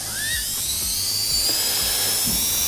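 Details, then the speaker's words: A slow-speed dental handpiece runs an orange Soflex polishing disc over a composite restoration of an abrasion cavity, giving a steady high-pitched whirr; a normal working sound. "So that must be bad on your ears. And I'd spend more time than that polishing, but that's the overview."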